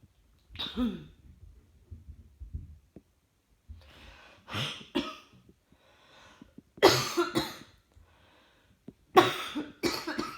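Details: Coughing while trying to work, the person feeling rather hot: several separate coughs and throat-clearing sounds with quiet gaps, in a small quiet room.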